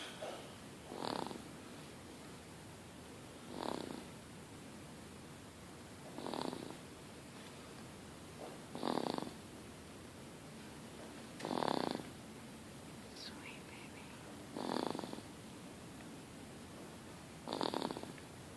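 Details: Sleeping baby boy snoring: soft, regular snoring breaths, about 22 a minute, over steady room noise.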